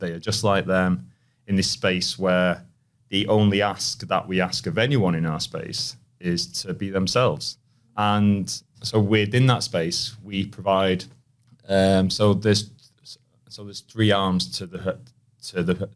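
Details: Stuttering in an adult male, present since childhood and persisting, with repetitions, prolongations and blocks.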